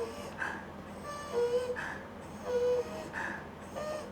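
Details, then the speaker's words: Child with noisy, laboured breathing: fast breathing, about 50 a minute, with a steady musical whistle on each breath out; expiratory wheeze from narrowed lower airways/lungs rather than upper airway. "Selalunya kalau bunyi melibatkan paru-paru, kita akan dengan bunyi wheezing atau bunyi semasa mereka buang nafas. Seperti yang seperti ini ya."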